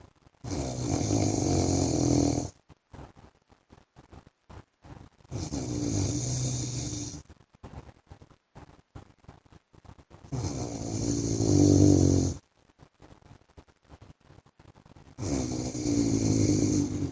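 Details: Husband's heavy snoring while asleep: loud, rough, rattling snores on each breath in, about 12 a minute, with quiet pauses between.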